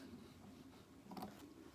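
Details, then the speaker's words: Brief, soft, low gurgling stomach rumble (borborygmi) heard while someone sews a quilt block; an ordinary stomach growl as gas and fluid move. "hear that that's my stomach rumbling because it known as the Sainsbury's man's bean"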